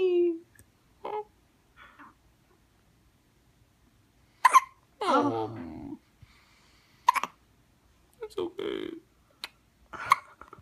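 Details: Person with hiccups: abrupt, sharp hiccup sounds repeating every few seconds between bits of voice and nearby talk; ordinary hiccups.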